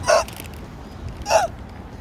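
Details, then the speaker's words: Two sharp, abrupt hiccups about a second apart over steady background noise, from an adult walking to the car, who has ongoing uncontrollable hiccups with no cause found by a doctor; repeated hiccups. "I'm walking back to the car still got the hiccups like"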